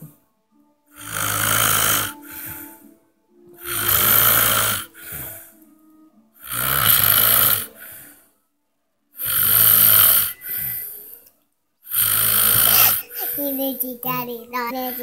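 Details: Loud sleeper snoring: loud rasping snores, about five over fifteen seconds, with soft music in the background; ordinary snoring.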